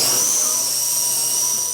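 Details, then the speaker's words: Steady high-pitched whine of a surgical drill boring a series of holes around the bone section to be removed from the exposed skull of a young Ugandan boy with a rare skull deformity forcing a cone shape. "the skull exposed they drill a series of holes around the section of bone that will be removed."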